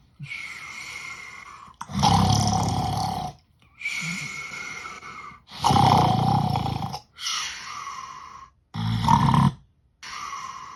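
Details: Loud, rough snores alternating with quieter breaths, about nine breath cycles a minute; snoring during sleep.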